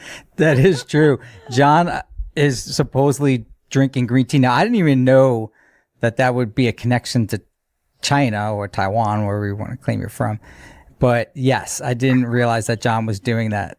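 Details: Adult male speaker; normal speech.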